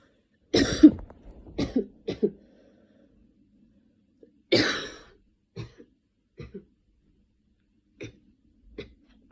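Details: Person still sick with a cold and recent fever: two bouts of harsh coughing, then several smaller coughs, about eight in all, in a quiet room.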